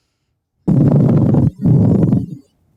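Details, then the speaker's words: Recorded lung sound played in an EMS teaching quiz: two coarse, grating low-pitched bursts with inspiration and expiration, a pleural friction rub from pleurisy, patient presenting with localized chest pain. "what if i told you this patient was presenting with pain in one place of their chest pleurisy no fusion plural rub that was plur that was plural rub"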